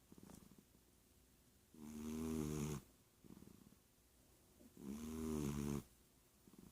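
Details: Female cat snoring while lying on the owner's arm during the day: a buzzing, vibrating snore on each slow breath with quieter sounds between; snoring.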